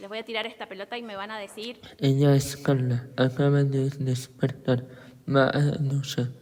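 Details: Adult speaker; Typical speech.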